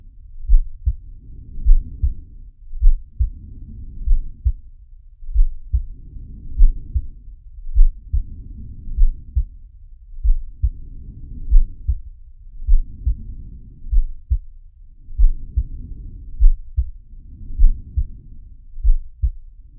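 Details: Sharky's heartbeat and breathing sound, from the Zig and Sharko cartoon: regular paired heart sounds, about 50 beats a minute, with rhythmic whooshing breath sounds rising and falling underneath.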